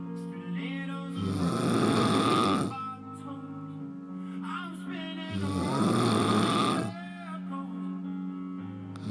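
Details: Heavy snoring from a small woman ("little lady") who snores like a big man: loud, rattling inhaled snores about 15 a minute, with quieter exhales between.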